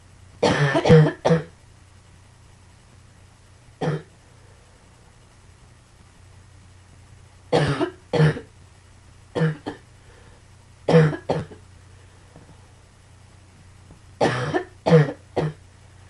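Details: Five bouts of short, harsh coughs, mostly in runs of two or three, with quiet pauses between; cough.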